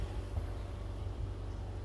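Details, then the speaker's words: Omron KJR-Y53W 5-litre oxygen concentrator running at 7 L/min, oxygen about 95%: quiet, steady low motor hum with no rhythm or pulsing. "cơ của máy Ozone Rất là nhẹ thật sự đây là chiếc máy nhẹ nhàng nhất nhà máy có 4 bánh xe"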